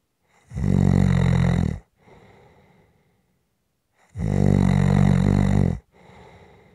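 Two loud, deep rattling snores on the in-breath, each followed by a soft out-breath, about 16 breaths a minute; heavy snoring during sleep.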